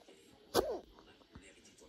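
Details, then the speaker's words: Nocturnal hiccup that came on while applying a face mask: a single sharp, abrupt catch with a short voiced squeak after it against faint room noise. "Mi stavo facendo una maschera ed ecco qui che arriva il singhiozzo."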